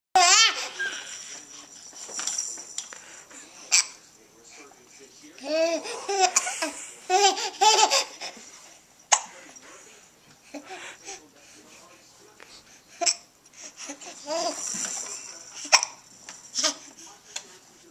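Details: Baby with hiccups while laughing, recorded on a Flip Video camera: giggles and laughs broken by abrupt short hiccup catches; infant hiccups during laughter.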